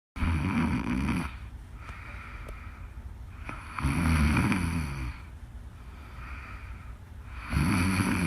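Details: Live-streamed sleeper: loud, rough, low snores about every three to four seconds, roughly 17 a minute, with quieter breathing between them; snoring.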